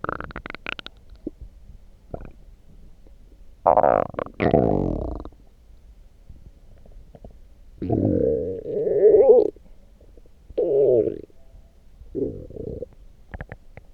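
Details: Loud stomach growling (borborygmi) after drinking coffee: gurgling, rumbling growls in several bursts separated by quiet pauses.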